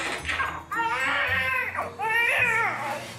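A newborn gives two loud, high-pitched, wavering cries with a brief gasp between them, over faint room noise; a normal vigorous newborn cry.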